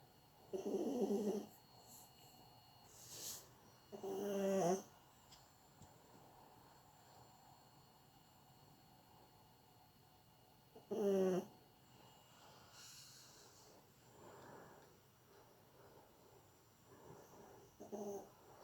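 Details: Chorkie (small dog) asleep on the owner's lap, snoring gently: irregular snorting snores with fluttering, rattly breaths, some louder than others, separated by quiet pauses.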